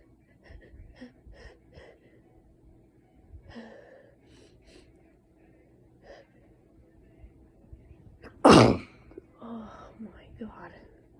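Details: Very snotty person teasing a sneeze: quiet breathy build-up, then one loud explosive sneeze followed by a few short vocal sounds; a single sneeze.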